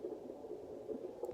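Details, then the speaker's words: Fetal heartbeat of a baby boy at 33 weeks of pregnancy on a monitor during a non-stress test: muffled, rhythmic whooshing pulses; doctor reported everything normal. "they have me hooked up to the monitors to listen to the baby's heartbeat in a new stress test the monitors they look like and then if you can hear as you can hear that that's his heartbeat going"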